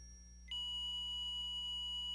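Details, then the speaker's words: ZOLL M Series defibrillator charged-and-ready tone: a steady high continuous tone that sounds for 10 seconds, then intermittent beeping for 5 seconds; the shock must be delivered within this 15-second interval or the unit disarms. "tone will sound for 10 seconds followed by an intermittent beeping for 5 seconds the shock must be delivered within this 15-second interval or the defibrillator will disarm itself"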